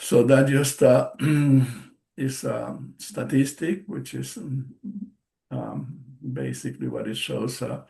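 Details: Man, a stroke survivor with post-stroke aphasia, speaking English as a non-native speaker during a presentation; word repetitions and self-corrections are audible; aphasia.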